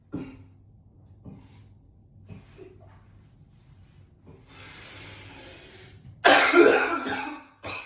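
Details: Quiet throat sounds and breaths, then a loud harsh burst of heavy repeated coughing in an echoey bathroom.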